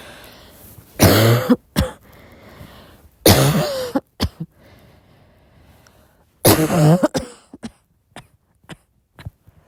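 Three coughing bouts, each a harsh burst followed by short throat-clearing coughs, then quieter trailing sounds; a soft repeated cough.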